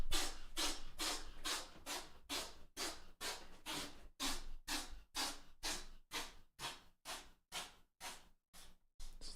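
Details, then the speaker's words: Pet cat with a sneezing fit, likely expelling mucus; owner plans medication. About eighteen rapid, short, sharp sneezes in a row, a prolonged sneezing fit. "the biggest sneezing fit I think you've had. You get it out."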